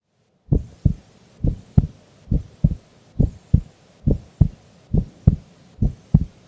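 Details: Heartbeat of a sleeping female during an afternoon nap: steady paired heart sounds at about 69 beats a minute, a calm resting rhythm; normal heart sounds.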